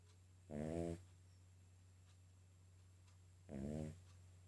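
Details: King Charles spaniel snoring loudly in sleep: two short, buzzing snores about three seconds apart over steady room hum.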